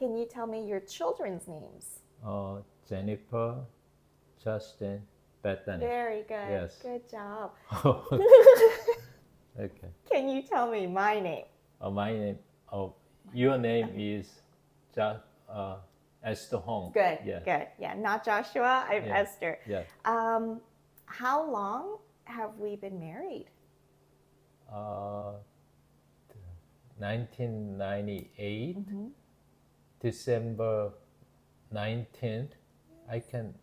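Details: Adult male with Broca's (nonfluent, expressive) aphasia after a left-hemisphere ischemic stroke in September 2023, earlier global aphasia; halting, fragmented speech with word-finding difficulty: Broca's aphasia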